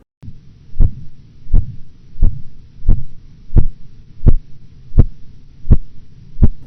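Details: Phase 2 Korotkoff sounds during blood pressure measurement: regular low tapping beats, about 85 a minute, each followed by a soft swishing tail over a low hum.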